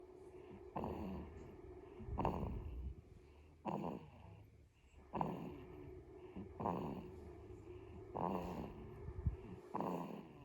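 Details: Sleeping baby: soft, rhythmic snorting breaths about 40 a minute, each with a brief rough rattle; light snoring.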